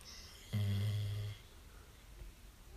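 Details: A dog snoring, one of her frequent snoring episodes this week: a single deep, droning snore lasting under a second over quiet room noise.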